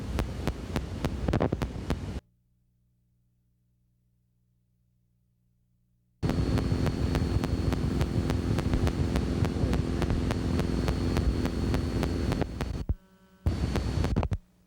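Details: Needle EMG artifact from an implanted spinal cord epidural stimulator, heard as rapid regular clicking over loud hiss from the EMG speaker.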